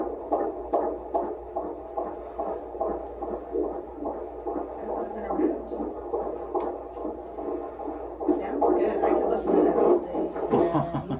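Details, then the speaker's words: Fetal heartbeat recorded by Doppler at an OB appointment, rapid rhythmic whooshing pulses about 146 per minute, within the normal fetal range. "baby's heartbeat maybe we can record it yeah yeah here at the doctors"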